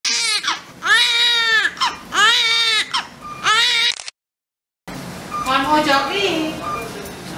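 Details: Newborn baby girl one minute after birth: strong, rhythmic, high-pitched crying in repeated bursts with breaths between, then softer fussing; a vigorous first cry.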